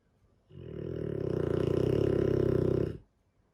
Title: Dogue de Bordeaux - sleeping beauty. Snoring too.